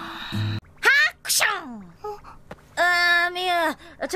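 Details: Animated character Nobue, who has a cold, gives an acted, voiced cartoon sneeze amid exclamations and background music; simulated sneezing.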